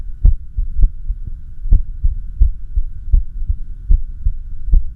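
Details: Echocardiography of the recorder's own heart during an arrhythmia, with the machine's heart sound: loud whooshing pulses at uneven intervals, an irregular heartbeat.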